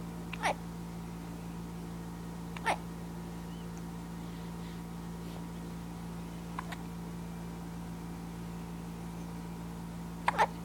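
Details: Four brief, soft, sharp hiccup sounds spaced a few seconds apart over a steady low room hum; hiccups.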